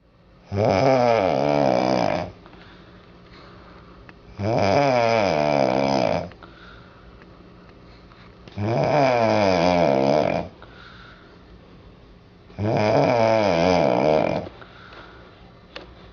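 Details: An adult woman asleep in a hotel room at night gives loud, regular, rattling snores on each in-breath, about 15 a minute, with quiet pauses between; she had said she snores only rarely: heavy snoring.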